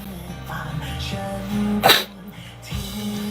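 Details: Male idol sneezing during a live stream, described as allergic: a single sudden explosive sneeze over background music.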